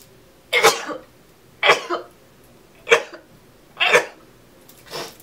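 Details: Run of five short, sharp, explosive sneezes about a second apart from a person; repeated sneezing.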